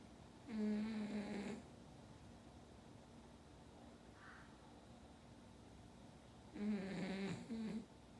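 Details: Snoring during sleep: two quiet rattling snores on breathing in, several seconds apart, in a quiet room.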